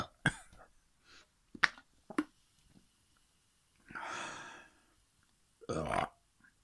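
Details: Male: several short, abrupt throaty bursts with quiet gaps between them, then a longer breathy sound; burping.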